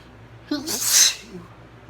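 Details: Morning sneeze attributed to mild allergies: a brief indrawn breath, then a single sharp, hissing burst that fades quickly; sneezing.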